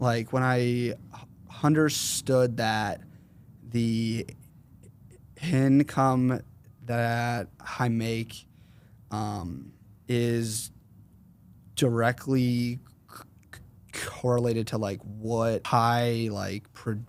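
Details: 21-year-old man with a severe stutter since 4th grade that varies in severity and is worse when consciously processing what he says; stuttering.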